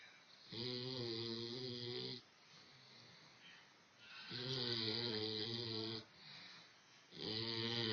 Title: Hurley Snoring